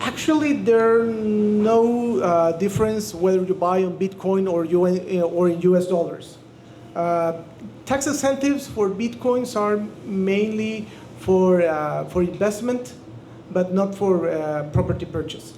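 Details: Adult speaker; normal voice.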